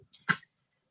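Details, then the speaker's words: Stallion on an equine farm: one short, harsh cough heard at a distance in a quiet outdoor setting. "As you can hear, our stallion is over there coughing."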